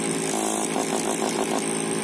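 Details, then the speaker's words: G-Tech nebulizer compressor switched on while set to 230 V on 127 V mains: weak running noise with barely any pressure, before switching the voltage selector to 127; nebulizer compressor noise. "Aí vocês vêm aqui e ligam, ó o barulho, ó. Fraquinho, ó."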